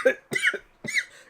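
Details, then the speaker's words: Three short, voiced cough bursts from an adult woman who says she still has a lingering COVID-19 cough. "Y'all, I still have this COVID cough."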